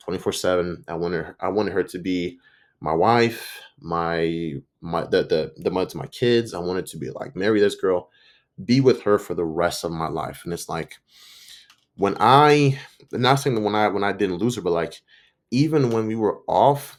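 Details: Stuttering in an adult man's own spontaneous speech, with word and part-phrase repetitions; he says he sometimes stutters and butchers words.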